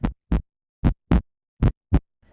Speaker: when a healthy heart beats it makes a ldub